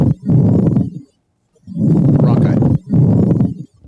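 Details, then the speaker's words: Coarse, grating, creaking bursts with breathing, a pleural friction rub played in an EMS lung-sound quiz; patient presented with pain in one place in the chest. "so this might give it away but what if i told you this patient was presenting with pain in one place of their chest pleurisy no fusion plural rub that was plur that was plural rub"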